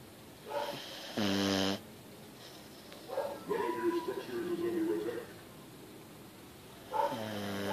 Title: JOE - American Bulldog - Snoring